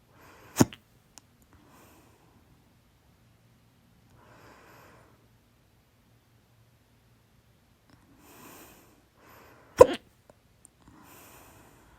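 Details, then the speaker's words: Two sharp, sudden hiccups about nine seconds apart with soft breathing between, from a person who suspects overeating (soda, chips with salsa) triggered the hiccups; hiccups. "* Ich habe Schluckauf / hat Schluckauf, weil ich zu viel gegessen habe."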